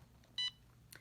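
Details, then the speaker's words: Single short high electronic beep as a CADD Prizm infusion pump starts after "yes" is pressed and it checks the pharmacist-entered settings, during a nurse's demonstration of home TPN infusion, in a quiet room. "I'm gonna press yes once I press yes the pump will go through all of the settings that have entered by my pharmacist making sure everything is accurate"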